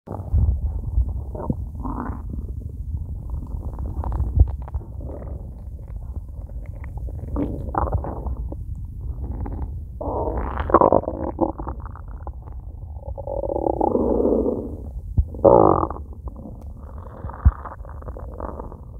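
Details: Low gurgling rumbles and longer growls from an empty stomach, nothing eaten yet that day; ordinary hunger borborygmi.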